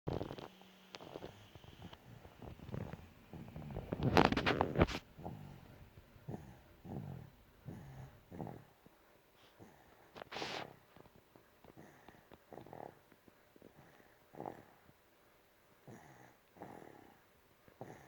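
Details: An infant aged 8 months and 5 days sleeps in a quiet room, making soft, short, snuffly snoring sounds that recur irregularly.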